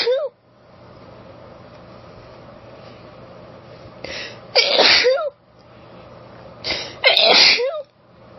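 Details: Female, recorded on a cellphone, allergic sneezing: forceful uncovered sneezes, each preceded by a gasping intake and buildup, quiet room noise between; sneezing.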